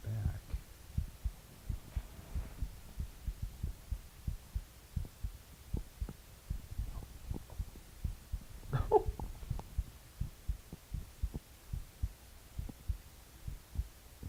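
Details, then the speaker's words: Heartbeat recorded with an audio recorder placed on the chest during an experiment: steady soft low thumps, about 100 a minute, with faint rustle and one brief noise midway. "I can see it moving to my heartbeat. So, you probably heard my heart beating, which is pretty cool."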